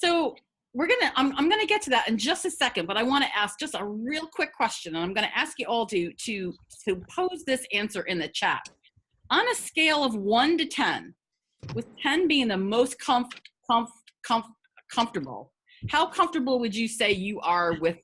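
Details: Adult woman who has stuttered for 50 years, a person who stutters speaking in a webinar; stuttering.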